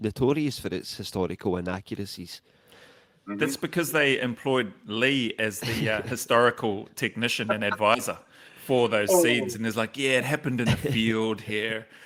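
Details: Adult male speaker; no speech disorder.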